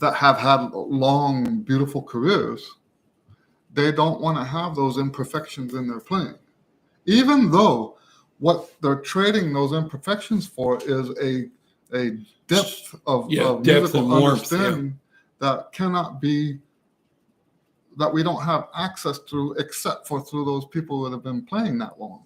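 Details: Adult male speaker; ordinary speech.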